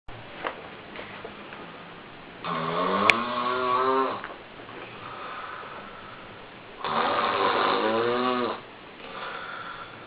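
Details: Snoring.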